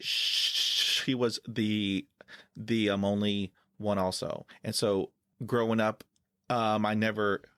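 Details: Stuttering in an adult man who has stuttered since childhood and says he uses filler words to get past blocks.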